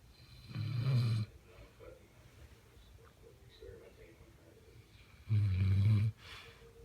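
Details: Catahoula leopard dog snoring: two deep, rumbling snores about four to five seconds apart, with quiet breathing between them.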